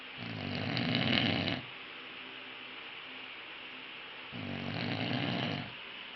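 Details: Heavy snoring in a sleeping person: loud, harsh snores on breathing in, two in about six seconds, with quiet pauses between.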